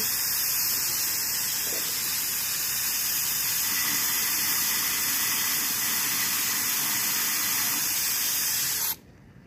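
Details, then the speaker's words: Steady hissing spray for about nine seconds, then stops; irrigation of a tooth extraction socket after curettage during oral surgery. "All right. Curette. Irrigate."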